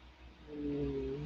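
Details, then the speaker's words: Adult's low, drawn-out rumbling groan heard during a live talk show, identified as the speaker's stomach growling; normal borborygmi. "And that that noise you hear, it's my stomach growling. Okay."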